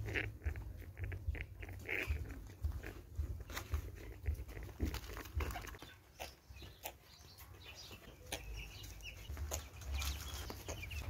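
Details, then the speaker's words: Benign respiratory sounds in a broiler chicken flock, described as normal breathing that goes away with time and needs no medication: scattered short clicks and snick-like breathing noises amid clucking and low barn hum. "those two funny breathing and those who checked don't worry about them it's a normal breathing of the beds after some time you find like your beds that sound will go away"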